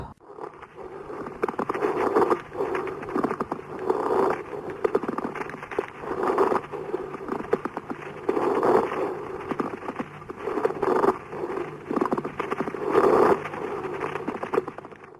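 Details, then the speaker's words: Pleural friction rub heard on lung auscultation after coughing: rough, grating, intermittent scraping bursts recur with each breath, described as changing with stethoscope pressure and caused by roughened but still mobile pleural layers. "шум трения плевры возникает при наличии неровностей шероховатости плевральных листков и сохраненный их подвижности друг относительно друга"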